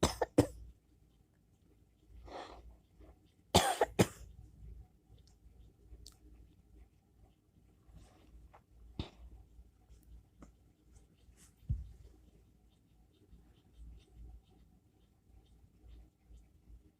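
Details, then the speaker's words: Coughing at 5 a.m. in a person who thinks they are getting sick, labelled whooping cough: several loud dry cough bursts, then quiet room noise; no whoop heard. "Who's coughing at 5 o'clock in the morning? Okay. I know I am. I think getting sick."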